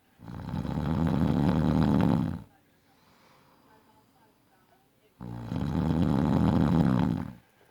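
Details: Man snoring loudly in any sleep position (back, side, stomach), day and night: two long, loud, rattling snores about three seconds apart, with quiet breathing between; very loud snoring.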